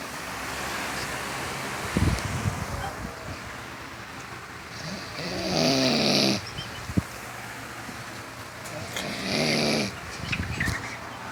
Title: funniest snoring ever